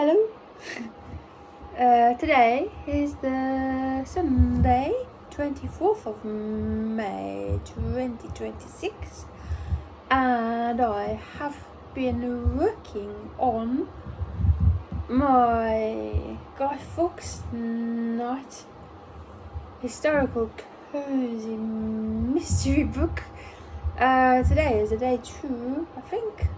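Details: Apraxia of speech in an adult woman almost one year after a ruptured brain aneurysm, during brain injury aphasia recovery.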